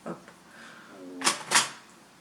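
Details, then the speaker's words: Brief squeaky rising stomach gurgle (borborygmi), then two sharp handling clatters in a quiet room; ordinary stomach rumbling. "On entend mon ventre qui gargouille."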